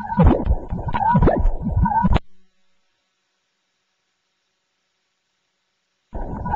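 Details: Adult with presyncope, echocardiogram for a suspected murmur, heart found apparently normal: whooshing, pulsing Doppler flow sounds, then silence before sound briefly resumes; Doppler heart flow sounds on echocardiogram.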